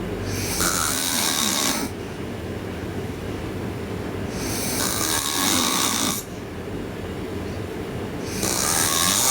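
Loud, harsh rattling snores on each breath in, about 15 a minute, with quieter breathing out between them.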